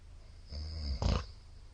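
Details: Middle-aged man asleep, 15 Feb 2022: low rattling snore followed by a sudden loud snort ("fa!"); brief airflow interruption, recorder unsure whether apnea or a chance blockage.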